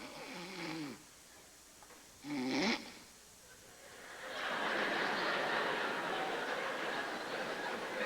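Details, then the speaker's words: A comedian imitates snoring (simulated) with two loud snorts during a stand-up routine about snorers, followed by audience laughter and applause. "Ce gars là ne mettra jamais crom jusqu'au soir où qui va être seul chez lui en train de dormir dans son lit tout seul. Puis il va se faire réveiller par son propre onflement."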